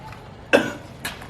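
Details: Simulated choking cough from a person choking on a biscuit: two acted coughs, one sharp and loud, then a weaker one.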